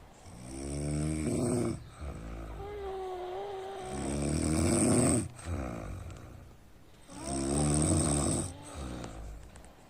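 Deep, rough snores about every three seconds, with softer whistling outbreaths between them.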